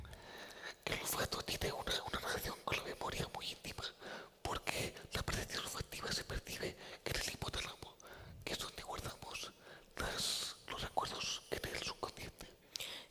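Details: Adult man with the neurological disease dystonia, which in his case causes uncontrollable neck movements and can affect other body parts; real speech, whispered without voice tone: whispered voice (aphonia) from dystonia.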